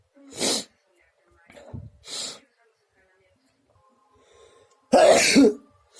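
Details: Sneezing that started after swimming, with a very itchy nose: about four loud, explosive, sharp sneezes with short pauses between them.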